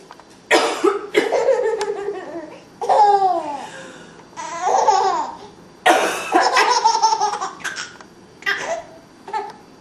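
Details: Several loose coughs at intervals from a mother, each answered by bursts of a baby's laughter in a small room.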